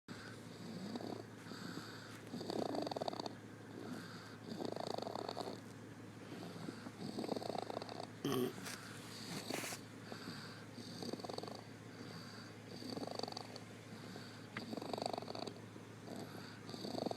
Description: He sounds like a lil piggy